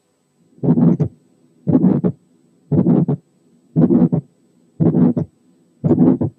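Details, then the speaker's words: Pulmonary hypertension, regular heartbeat about 58 a minute: a functional ejection systolic murmur over the pulmonary area with an ejection click and a closely split second sound whose pulmonary component is very accentuated. "وفي الحاله دي بيكون مع المرمر في ايجكشن كليك، والسكند ساوند بيكون كلوزلي سبليت، والسكند كومبوننت بتاعته اللي هي البالمونري كومبوننت بتكون فيري اكسنتويتد زي المثال الاتي."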